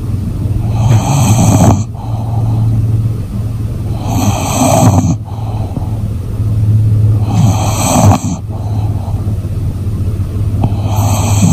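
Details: Sleeping English Bulldog, fast asleep: deep, loud, continuous rattling snores with snorting breaths about every three seconds; heavy snoring.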